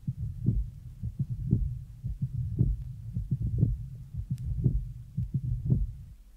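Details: 1966 teaching heart recording: loud first heart sound varying in intensity, loud opening snap after the second sound, then a low rumbling murmur filling diastole, played at half speed then normal rate; heart murmur.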